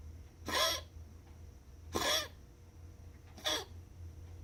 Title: Bruiser's Cough